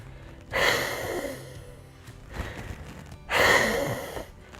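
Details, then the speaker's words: Active cycle of breathing for a productive cough: after five breaths in through the nose and out through the mouth, two strong open-mouth bursts, a forced huff followed by a cough-like expulsion to loosen phlegm. "breathe through your nose and out through your mouth and you do that five times the last do you do a half"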